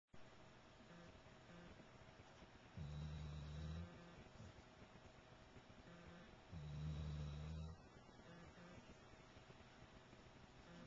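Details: Chocolate Labrador dog sleeping, with two long, low, buzzing snores a few seconds apart over faint room noise; loud snoring.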